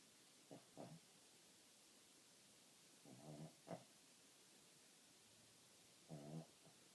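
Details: Soft, irregular snorting snores from a sleeping dog in a quiet room, about 20 a minute; ordinary snoring.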